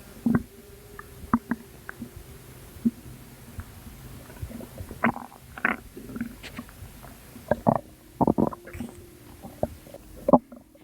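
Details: Postpartum mother's belly, recorded at 2 am; she attributes the sounds to postpartum water weight. Irregular bursts of gurgling and bubbling against a quiet background; ordinary bowel sounds.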